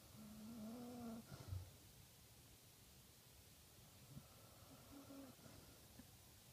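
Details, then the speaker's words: Sleeping Basset Hound with a heart murmur and congestive heart failure gives two drawn-out, humming snores separated by quiet breathing: ordinary snoring. "Most people fall asleep to the sound of a machine. I fall asleep to the sound of a snoring Bassett."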